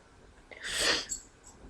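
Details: One soft, hissing sneeze with a muffled, congested quality from a sick person with a stuffy nose, possibly allergy sneezes.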